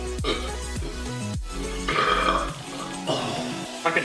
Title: Face Burp Compilation 3